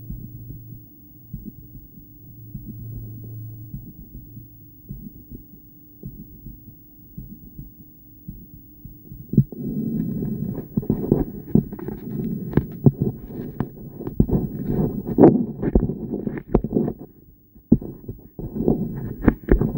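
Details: Female heartbeat during breathplay, stethoscope in a poor spot with loud breathing noise; beats come in pairs at times with one long pause after a push, an intermittent bigeminal rhythm.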